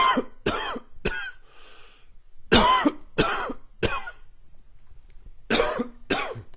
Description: Morning smokers cough.